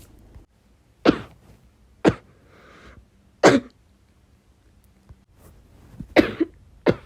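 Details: Repeated muffled coughs from an adult with bronchitis, a persistent cough that keeps returning, suppressed by coughing into clothes.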